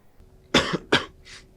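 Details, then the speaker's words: Cough in a crowded cinema during a flu-awareness scene about spreading flu by coughing: two harsh cough bursts in quick succession, then a faint breathy exhale; cough. "three of you may be spreading it right now and you're talking and you're breathing and yeah coughing maybe it's someone over here oreo"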